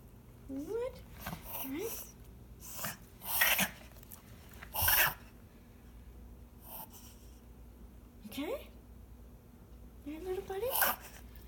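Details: Dog with a breathing problem, recorded March 2019: several harsh, breathy coughing bursts between rising squeaky breath sounds, suggesting airway trouble; cough with noisy breathing.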